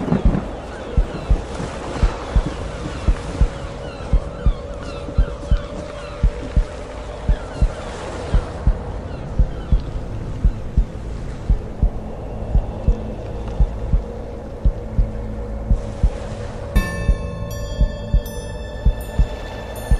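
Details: Slow regular heartbeat sound, steady low thumps at about 57 a minute, under ambient sleep-meditation music with trance drums, drones and chimes.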